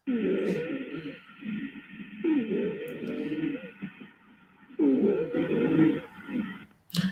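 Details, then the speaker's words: Harsh, high-pitched musical breath noise in repeated long bursts, stridor from upper airway obstruction, sounding very similar to wheezing; a recorded stridor audio sample. "can hear it's a little more high pitched right and it sounds very similar to wheezing"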